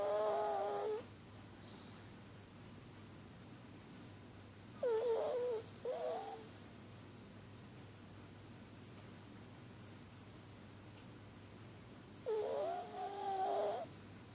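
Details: Pug, a flat-faced dog, breathing noisily: three bursts of snorting, wavering snuffly breath noise typical of narrowed upper airways; brachycephalic stertor.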